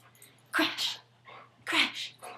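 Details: Pet dog doing tricks for treats gives two sharp, explosive bursts of air, each followed by a snort-like exhale; sneezing.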